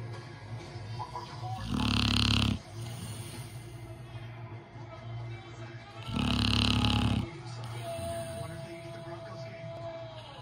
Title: American Pitbull snoring